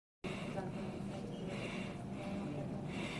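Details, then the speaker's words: Kussmaul breathing in a 10-year-old boy with diabetic ketoacidosis who is somewhat altered and slow to wake: deep, rapid, regular breaths with loud inhalations and exhalations of similar strength. "when they hear is breathing this is who's more breathing this is the breathing that you see with diabetic ketoacidosis"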